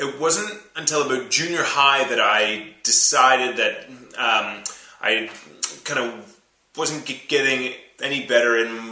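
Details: Adult man who stutters; his speech got quite bad around age seven, when he began speech therapy, which he stopped in junior high; stuttering.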